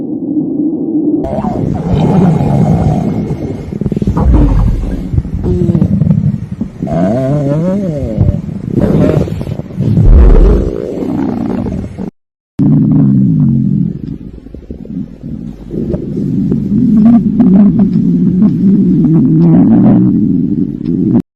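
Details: Girl's hunger-related stomach growling (borborygmi), growing louder and longer: long, low rumbling and gurgling gut sounds with rising and falling pitch.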